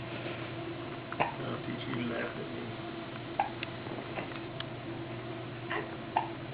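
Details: Child with hiccups, recorded 2009-06-19, talking to Mom between them; several short, abrupt throat catches at irregular intervals over steady room noise.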